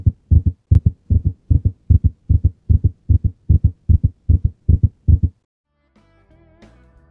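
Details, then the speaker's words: Ventricular tachycardia, shown alongside the ECG: a fast, regular rhythm of about 150 a minute with split heart sounds, because one ventricle depolarizes before the other. "nas taquicardias ventriculares também vamos escutar um ritmo regular com frequência bastante elevada mas nesse caso as bulhas estão desdobradas visto que um dos ventrículos se despolariza primeiro do que o outro"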